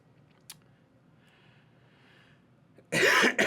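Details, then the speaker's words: An adult with a nagging cough and a nasal voice: a quiet room, then one loud, harsh cough burst with a brief trailing second effort near the end. "I've got a nagging cough so every once in a while the video might go you I'll be here and then I'll be over here and it's because I've gone into a coughing fit and need to get through that you can probably hear it"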